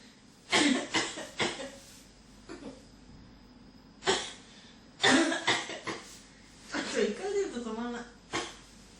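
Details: Persistent cough that won't stop: several separate harsh coughs in a row, some followed by a short voiced sound, in a quiet room.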